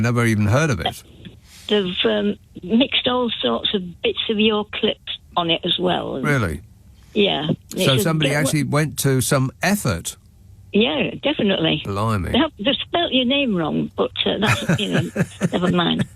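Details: Two adult speakers in a radio phone conversation; normal conversational speech.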